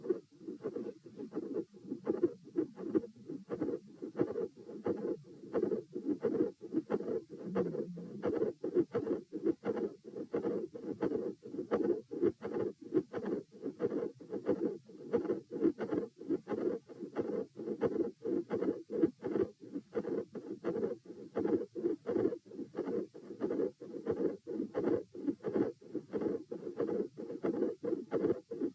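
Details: Heart auscultation at position T during a positional stress test (lying, sitting, standing, lying): fast, scratchy heartbeats at about 88 a minute, with a midsystolic murmur, a split second heart sound and a murmur at S2.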